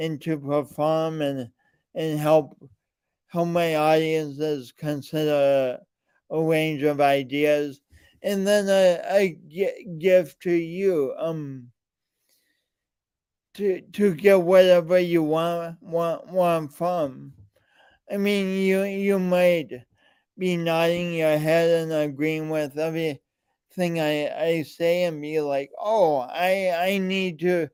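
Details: Adult male with a speech impediment and coordination differences present since birth and still ongoing; speech impediment with disfluent speech.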